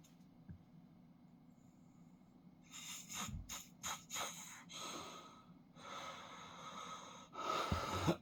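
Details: Father snoring in sleep: irregular, noisy snorting breaths in a quiet room.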